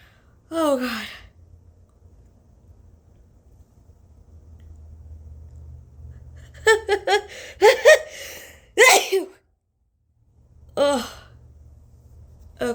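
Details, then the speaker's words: Three short, sharp sneezes (one early, a burst mid-clip, one at the end), forced by tickling the nostrils with a tiny rolled tissue after sniffing turmeric; eyes watering, switching nostrils, dizzy afterwards. "okay got two sneezes we're going to try this nostril now oh that happened quick"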